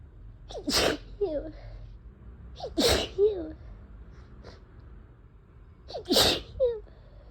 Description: have had an annoyingly sneezy head cold for a few days— was trying to blow my nose but it made the tickle worse .. cue sneezes.